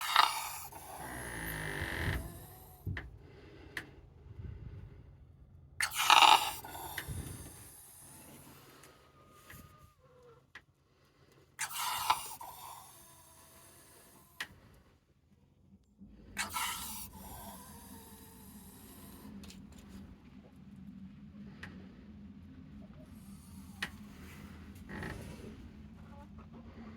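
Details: An animal gasping: harsh, noisy breaths, about four over 27 seconds, separated by long quiet pauses.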